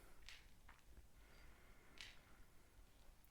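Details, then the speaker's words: Adult with degenerative knees, during a morning stretch holding under the thigh while bending and straightening the knee, produces soft, sharp cracks and creaks, said to be normal for them: knee crepitus. "you can actually hear my knee cracking there so my degenerate knees you can feel it or you can hear it creaking and that's normal for me"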